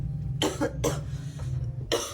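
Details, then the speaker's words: Adult woman coughing while travelling, after her cough started badly: three short, harsh cough bursts, two close together and one after a pause, over a low steady hum of music or engine noise. "Він дуже почався кашель. Вот мені папа бистренько зробив чайок з собою."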